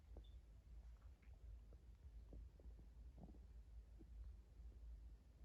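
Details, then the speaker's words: Dog Molly's stomach making loud noises in the morning: low, irregular rumbling and gurgling over a steady low hum, one big rumble; stomach rumbling (borborygmi). "me rumbling. Ooh, that was a big rumble."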